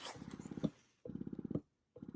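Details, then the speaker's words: Spectra electric breast pump switched to the initiation (let-down) phase on a low setting, running without attachment to the breast: rapid rhythmic motor pulses in short bursts. "Okay, so we're gonna turn it on, switch it to the initiation phase, and so you can hear it"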